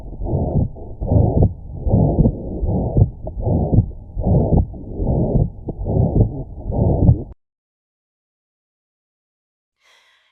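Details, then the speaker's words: Ventricular septal defect heart sound example, an abnormal opening between the ventricles with a left-to-right shunt: a harsh, noisy murmur filling each beat at about 74 beats per minute. "Ventricular septile defect is an abnormal opening between the right and left ventricles again causing a left to right shunt resulting in additional blood being pumped to and through the lungs. You can hear an example of what a ventricular septile defect sounds like here in this audio clip."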